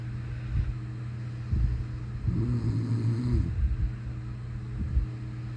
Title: snoring like a grisly bear 😴👩‍❤️‍💋‍👨🛌On morning Easter Sunday4-09-23